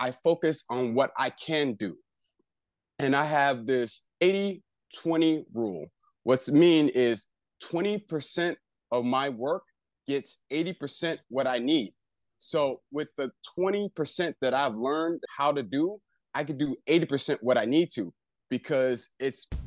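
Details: Adult male stroke survivor living with aphasia after his stroke; aphasia.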